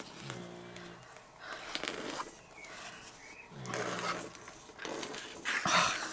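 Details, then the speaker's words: Dog (female) asleep, snoring with two low, rumbling, droning breaths amid crafting and rustling noises; snoring. "can you hear her she's snoring so I am sorry guys um lady is doing her thing and snoring away"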